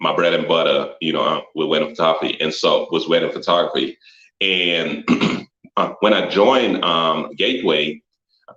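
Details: Adult male photographer and former engineer with a stutter, noticed when he introduced himself; the clip has word repetitions and frequent fillers. Finding: stuttering.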